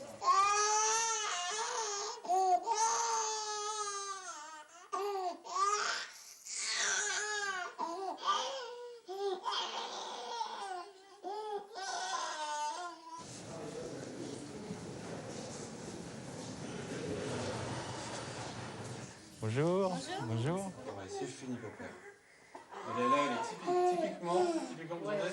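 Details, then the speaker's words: Child with laryngitis seen by an emergency medical team: hard crying with a long stretch of harsh, very loud noisy breathing between cries, fitting stridor. "vous entendez la respiration sa respiration de laryngite il est très fort"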